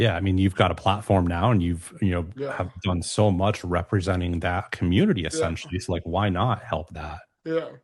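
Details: Adult male speaker; typical speech.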